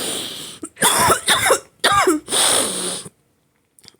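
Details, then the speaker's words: Adult coughing: a run of about four harsh, wet-sounding coughs in quick succession, then silence. "So today I'm just gonna be doing daily journaling. As you can see from my coughing, that is the topic."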